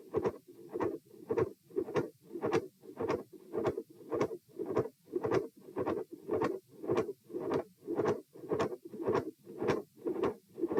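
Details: Repeat heart auscultation stress test at chest position E: midsystolic click and murmur with a fixed split S2, recorded across lying, sitting, standing and lying again, with heart rates 84, 96, 114 and 78 bpm.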